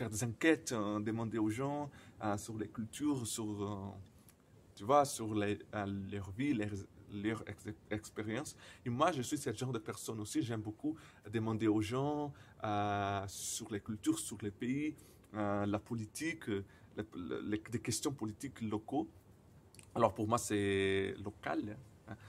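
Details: Man who stutters, speaking non-native French, who says his stuttering often involves silent blocks; stuttering.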